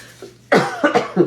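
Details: Adult woman recovering from illness, still coughing: a short run of three to four loose, moderately forceful coughs with a small room echo, a lingering cough.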